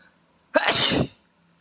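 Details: Single sharp, explosive sneeze from a boy, with quick intake and forceful burst of air.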